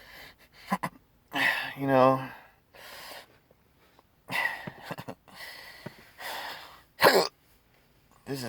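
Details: Adult with rare chronic persistent hiccups since December 2015, unresolved by multiple treatments and surgeries: repeated abrupt gulping catches with short voiced bursts every second or two in a quiet room.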